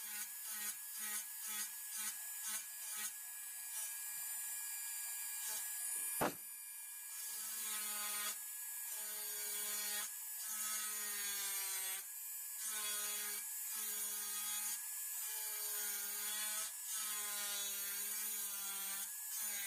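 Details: High-speed dental handpiece with finger rest on premolars, doing occlusal reduction of a typodont mandibular first molar (#36) for a full veneer crown: steady high-pitched whine dipping in pitch as it cuts the model tooth.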